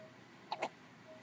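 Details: Newborn baby girl with hiccups: two quick, soft, sharp hiccup sounds over low room noise.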